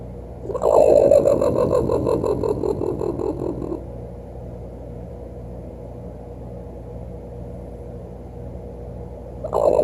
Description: One night as I was watching TV, I heard a very strange sound. It scared me. My face felt flush & I really felt like there was an outter worldly visitor in the room. Until, I notice it was Roper, my raccoon, snoring under the couch.